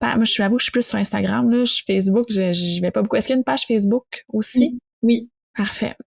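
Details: Adult woman; ordinary speech.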